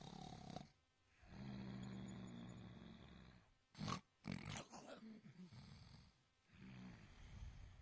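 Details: Sleeping tiny kitten snoring loudly, described as snoring like a tractor.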